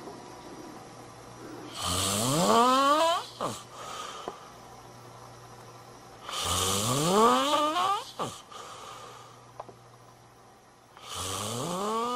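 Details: Loud, rising inspiratory snores at about 13 per minute with quiet pauses between; ordinary heavy snoring.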